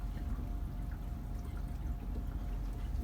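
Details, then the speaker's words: Infant nasal bubble CPAP in a special care nursery, pressure set to about 6, with the ordered FiO2, checked before being placed on the baby: steady, low, continuous bubbling from a closed circuit without leaks, working normally. "And the system is bubbling. You hear the bubbles."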